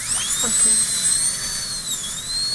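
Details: Steady high-pitched whine of a high-speed dental drill, pitch dipping slightly under load, cutting a Class II cavity preparation and adjusting wall angles on a manikin simulating patient treatment in restorative dentistry class.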